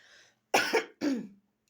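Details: Two sharp, harsh cough bursts after a faint breath, from a woman with a persistent cough that has not cleared despite treatment including IV drips.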